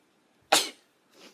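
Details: A single sharp, high-pitched sneeze burst followed by a soft breath from a young Japanese woman; an ordinary sneeze.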